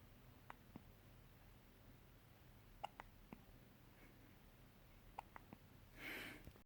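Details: Ordinary hiccups: roughly eight soft, brief clicking hiccups in a quiet room with faint hiss.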